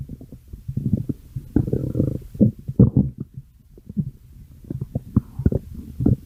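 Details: A person's stomach growling with loud, bubbly gurgles and rolling rumbles from the belly; ordinary stomach growling (borborygmi).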